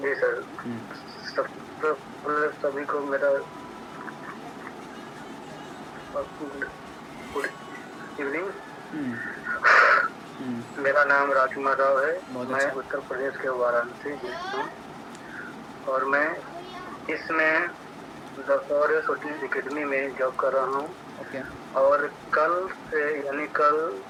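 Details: Stuttering in a man in a stammering practice group, with pauses; he reports still feeling a lot of fear inside.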